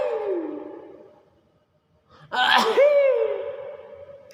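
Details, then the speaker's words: Talking myna bird: a sharp sneeze-like burst followed by whistled tones; imitated sneeze. "bersin gimana bersihin kok bersin gimana bersin ayo bersihnya gimana gimana"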